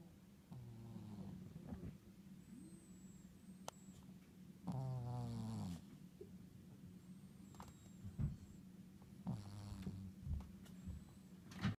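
Low, buzzing snores on breathing in, with a steady hum and faint high chirps in the background. Snoring.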